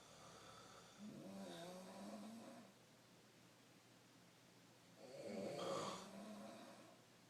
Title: My parents swear they don't snore